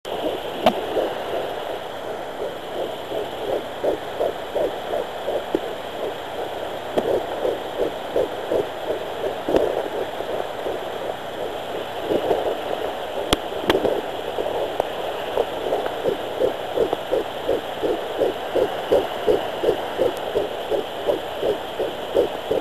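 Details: Fetal heartbeat at 11 weeks 3 days of pregnancy on a home fetal Doppler: rapid, regular whooshing at about 160 beats a minute, faint early while finding the heartbeat, then clearer.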